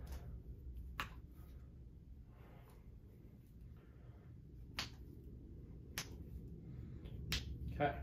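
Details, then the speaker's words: Four sharp, isolated finger-joint cracks over a low room hum during a chiropractic manual adjustment of the fingers, following elbow and wrist adjustments, in a patient with work-related elbow and wrist issues; harmless normal finding. "get that one and then wrist you can feel that one click back in you can probably hear it click back in too fingers"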